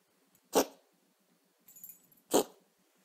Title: Cat trying to cough up furball